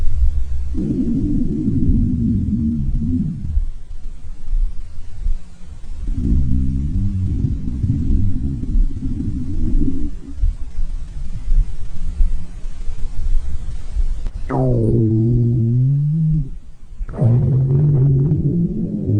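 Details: A girlfriend's stomach growling: long low rumbling and gurgling with rising, squeaky tonal groans from gas and fluid moving through the gut.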